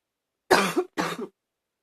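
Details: Two short, harsh coughs with a mildly barky, hoarse edge; a little barking cough.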